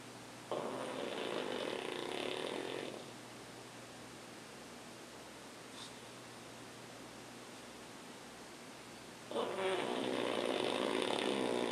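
Long, harsh, buzzing snores with a long quiet pause between them, from a flat-faced dog; noisy breathing through a narrowed airway.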